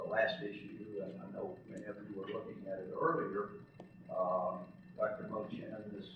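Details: Adult man with spasmodic dysphonia, who counts himself among those living with the condition, speaking in real connected speech; spasmodic dysphonia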